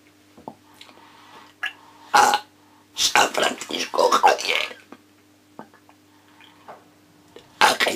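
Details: Adult male reciting a Spanish sonnet in esophageal voice as a voice exercise; esophageal voice.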